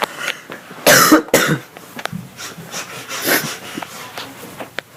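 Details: Two sharp, explosive bursts close together, followed by small throat noises and room sounds; labelled as sneezing, a brief cough or sneeze.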